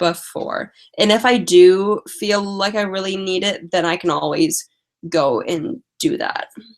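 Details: Female live-stream host who says she has a stutter and uses strategies such as prolonging words and talking slowly; stuttering.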